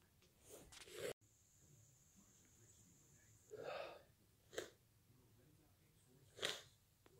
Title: stuffy cold sneezes and blows